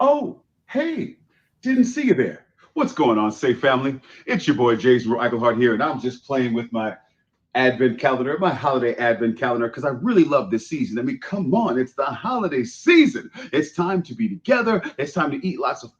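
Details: Adult man; typical speech.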